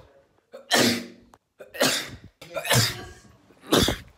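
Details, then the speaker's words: Person's own sneezes recorded on a phone: four separate sneezes, each a short intake of breath and then a sharp explosive burst, in a quiet room. "I just I just decided one day in the 13th of November 2019 that I was gonna start recording myself every time I sneezed"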